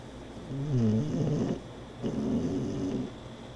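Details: Two soft, low, fluttering snores, each about a second long, from a sleeping female dog; gentle ordinary snoring.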